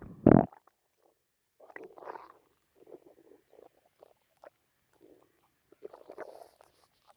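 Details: Stomach growling after lunch, on a full stomach: a louder opening squelch, then gurgling, bubbling rumbles in short bursts that sounded weird to the person.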